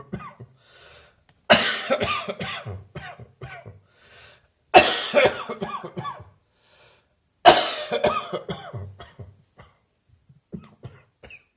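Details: Adult recovering from bronchitis, cough now much drier: three harsh coughing fits, each a sharp burst trailing into several short hacking coughs, with quiet pauses between.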